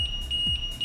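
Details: Ventilator remove-patient alarm.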